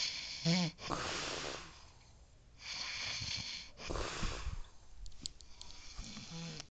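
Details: Father snoring during sleep: noisy sleep breathing with rough, fluttering snores and a brief whistling tone at the start of some breaths, with room noise behind.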